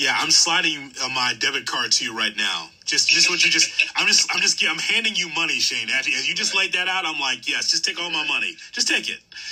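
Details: Adult male speaker; typical speech.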